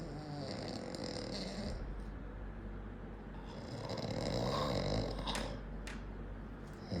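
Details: Sleeping man: continuous rough, fluttering snore with a steady low rattle over several seconds; snoring.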